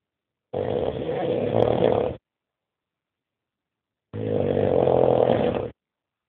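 Two loud, rough, rattling snores on breathing in, separated by a silent pause of about two seconds. Heavy snoring.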